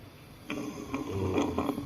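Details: Patient with a hard, months-long right-sided neck mass causing central airway obstruction: harsh, noisy breath with a coarse musical edge; stridor.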